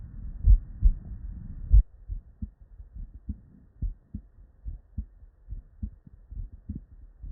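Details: Real, unedited bedside auscultation of normal human heart sounds: brief rubbing noise at the start, then paired lub-dub beats at roughly 50 to 60 a minute.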